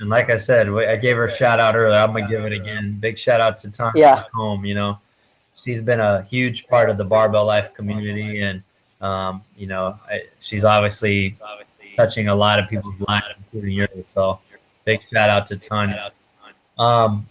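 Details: Adult man speaking; normal speech.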